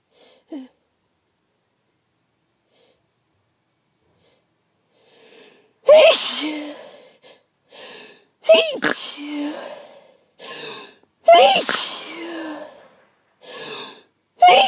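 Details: Person in bed just after waking, unable to stop sneezing: a run of about six forceful sneezes in quick succession, each a sharp burst with a short voiced catch; a brief sneezing fit.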